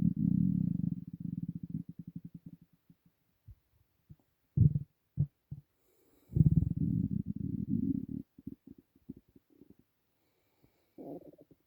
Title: Empty Stomach rumbling